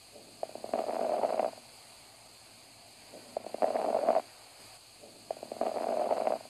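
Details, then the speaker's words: Stethoscope lung auscultation sample, quiz replay: three breaths, each with brief crackling pops near its end, like rolling a strand of hair between fingers; fine crackles. "next is the fine crackles fine crackles are lower pitch as compared to the coarse crackles the sound is similar when you roll a strand of hair between your two fingers"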